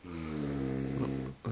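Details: Loud, low, rattling snore held through one long inspiration from a sleeping man, recorded at night.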